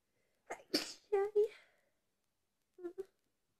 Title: Some sneezing ..yaaay